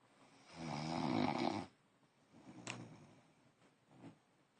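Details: A man (fiancé) snoring: one loud, rough vibrating snore on the in-breath, followed by quieter breathing sounds; snoring.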